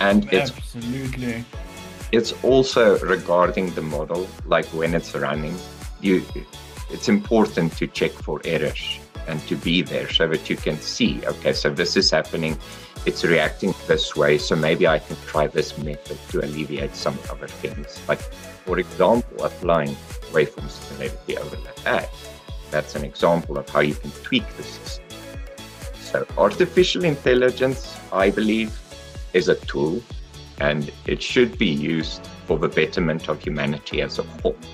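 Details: Adult male speaker; normal speech.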